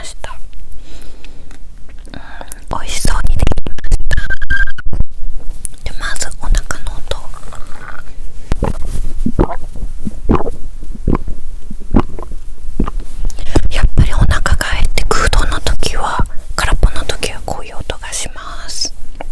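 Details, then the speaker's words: Stomach growling at the start of a meal of vegetables, oats and tempura rice: low, irregular gurgles and rumbling bursts from the abdomen, ordinary bowel sounds. ""У меня урчит в животе😆"."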